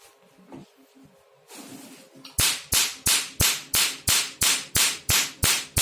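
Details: Handheld pico laser firing with the 1320 nm "black doll" tip at low energy, demonstration: brief hiss, then sharp, regular snapping pulses about three a second; pico laser firing.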